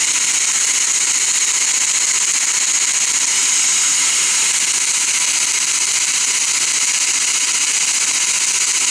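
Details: Loud continuous high-pitched hiss with rapid pulsing: dental instruments running during laser-assisted root canal treatment on a lower bicuspid.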